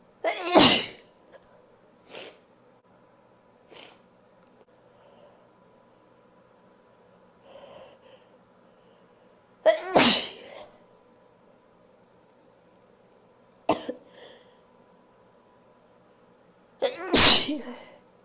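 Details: Three loud, open, unstifled sneezes, each with a short intake of breath before it, with softer sniffs between, in a quiet room.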